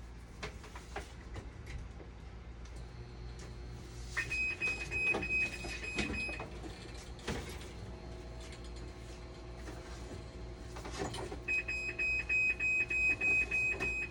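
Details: Dialysis machine showing flow error and low flow error (pump suspected faulty): repeating high-pitched electronic alarm tones over machine hum and clatter.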